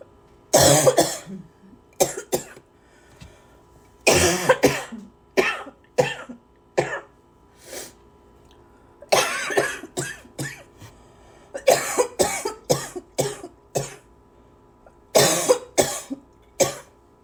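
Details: Lots of coughing: repeated harsh cough bursts, often in quick runs of two or three, about fifteen coughs across seventeen seconds; persistent coughing.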